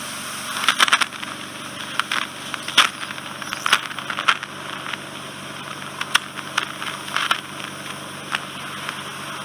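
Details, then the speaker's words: Endoscopic microsuction of soft, wet wax fully occluding a woman's eardrum, entering near the eardrum after moving canal hair aside: steady loud hissing suction with irregular crackles and pops as wax is drawn out. "You've just got some hair in the way. Let's just I'll put just that. get out the way. It will be a bit noisy. That's the thing that you'll notice, Simone."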